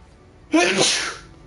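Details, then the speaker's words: Single abrupt, voiced, hissing sneeze fading over about half a second, one of several repeated sneezes during a gaming livestream. "Oh man. Sorry about my sneezing."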